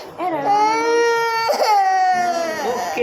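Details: Baby boy crying during a blood test: loud, sustained infant cries with brief catches of breath between them, distress during the needle procedure.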